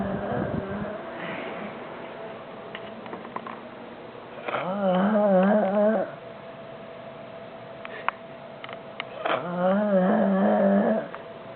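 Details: Adult man asleep after a long night of drinking and smoking, two loud wavering tonal snores about five seconds apart, roughly 12 breaths a minute, warbling and gurgling, sounding like choking.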